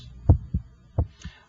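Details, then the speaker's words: Two clean lub-dub cycles at about 85 beats a minute, heard at the apex with an electronic stethoscope timed against the radial pulse; the first sound is louder than the second: normal first and second heart sounds. "I can hear your first heart sound and I can hear the second heart sound the first hot sound should have a louder quality in this apical position"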